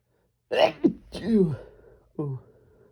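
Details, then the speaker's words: Male sneezer, desperate strong sneezes with a few stifles: two forceful sneezes, each with a quick in-breath and explosive voiced release, then a short vocal sound and "bless me." "I'm gonna sneeze. Achoo. Oh. Oh. Bless me."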